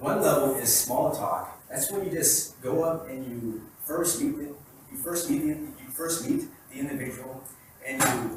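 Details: Real stuttering in an adult man who has stuttered for as long as he can remember, recorded during a talk sometime between 2013 and 2019.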